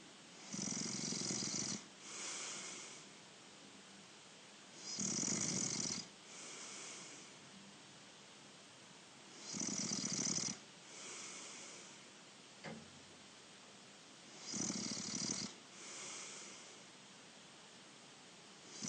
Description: Younger Brother Snoring away!!